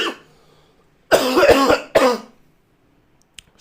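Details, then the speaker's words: Adult with COVID-19, hoarse voice, body aches and violent coughing: two harsh, forceful coughs in close succession with rough voicing after a brief faint sound. "just a heads up as you might have guessed for my voice it's not the best right now it doesn't not really it's not really the best right now and there will be coughing like a lot of cop i will try my best not to cough into the microphone but you know you will hear it"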